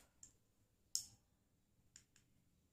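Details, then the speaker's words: Stethoscope tap test: after the chest piece is turned on and the earpieces are inserted facing outward, sharp, crisp clicks are heard in the ears, confirming the active side transmits sound. "This is on. Sound on the year have a picking sound. Then we confirm that"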